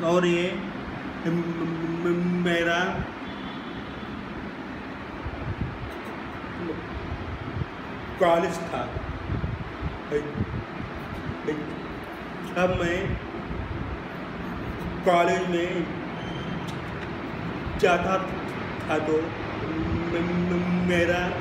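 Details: Young man who stammers; his stammer increased when he went to college; stuttering.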